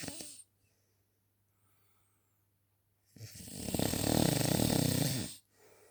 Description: snoring man on the sofa